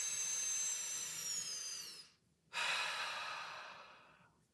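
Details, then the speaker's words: A whistling, resisted inhale of about two seconds through The Breather with inhale dial at 2 of 6, inhale-only training, then a pause and breathy unresisted exhale; inspiratory muscle training breath. "this device has one inhale dial with six settings of resistance and one exhale dial with five settings I'm going to set my inhale dial to two and go from there"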